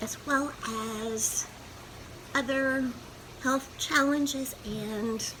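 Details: Woman's own past recording from when she had spasmodic dysphonia, mixed type, with accompanying anxiety; she could barely speak above a whisper, and this was not her worst period; spasmodic dysphonia, mixed type.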